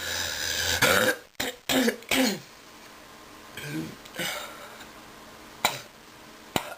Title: Sick cough pt 1